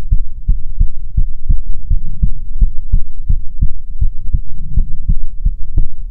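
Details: ASMR heartbeat recording, presented as soothing heartbeats from a female persona: loud, deep thumps in a steady rhythm over a low hum; normal heartbeat.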